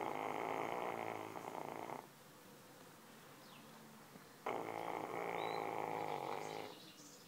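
Two long, rattly snoring breaths with a quiet pause between them, in a quiet room. Snoring.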